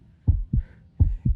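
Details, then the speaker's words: Presenter's own heartbeat after exertion, after feeling winded and described as fast: two strong, steady lub-dub beats at roughly 80 to 85 a minute with a faint hum behind; normal heartbeat after exertion. "Iyon ang tibok ng puso ko. Ang bilis, no? Naririnig niyo rin ba ang tibok ng puso niyo?"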